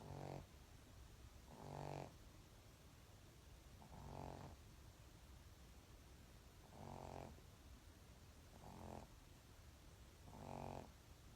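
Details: Boston terrier snoring in sleep, said to snore all night: six regular, low, buzzing snores about two seconds apart, near 30 breaths a minute, typical of a small flat-faced dog.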